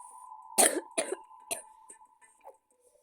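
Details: Eight-year-old child: three short dry coughs in quick succession while playing a video game, with a steady electronic tone in the background.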